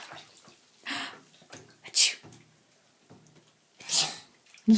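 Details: Fake sneezing: two sharp hissing sneeze-like bursts with quiet breaths between; simulated, not real sneezes.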